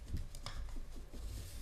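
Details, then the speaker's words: Adult during an interview about Parkinson's disease: near-silent room sound, then one sudden, loud, harsh cough burst at the end; a single isolated cough. "Yeah. Excuse me. Hey, I'm coughing."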